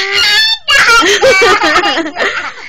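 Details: Child's sneeze: a sustained singing tone breaks off, then a sudden sharp sneeze followed by wavering voiced sounds.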